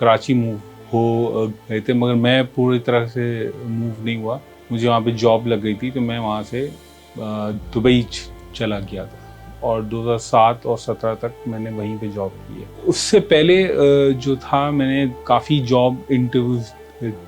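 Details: Stuttering in a 40-year-old man who has stammered since childhood.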